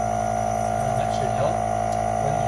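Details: Kittens with congestion treated with sterile saline for 10–20 minutes while sitting in a nebulizer box: steady buzzing motor hum of the nebulizer compressor running without pause.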